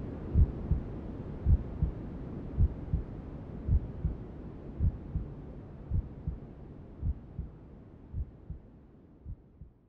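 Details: Newborn sleep-aid womb sounds: soft, regular paired maternal heartbeats at about 54 beats a minute under steady white noise hiss, with other sounds from inside the mother's belly.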